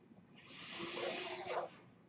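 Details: Noise of a person's own mechanical ventilator heard while they talk, the ventilator running in the background during speech.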